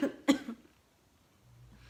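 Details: One sharp, harsh cough burst with a hoarse, barking edge, a 'dog-like' cough from a tired person, then quiet room noise; barking cough.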